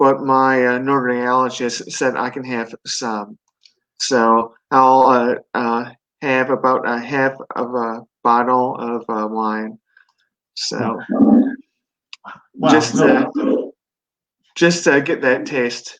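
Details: Residual aphasia with word-finding difficulty in a 42-year-old man. At 17 he had a stroke from an artery rupture during benign brain tumor surgery, then an induced coma, leaving right-sided paralysis and global aphasia. He later relearned to speak.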